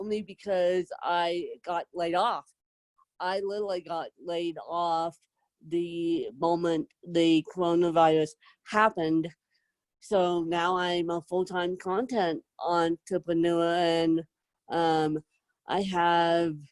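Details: Adult woman with self-described moderate to severe cerebral palsy who needs help 24/7; dysarthric speech in cerebral palsy.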